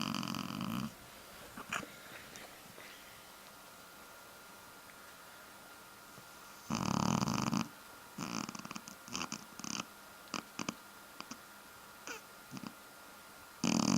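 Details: Brief rough breathing noises in short bursts with quiet gaps from a sleeping Shar-Pei dog; snoring.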